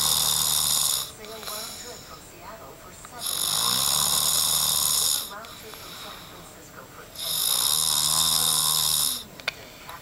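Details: Man snoring while asleep after an exciting day in Tahiti: loud, harsh snores on in-breaths, about two long snores in ten seconds, with quieter breathing between them.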